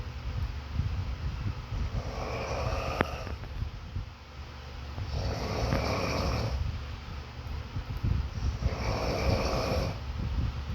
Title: Worms eating worms with snoring background sound 🤪 #funny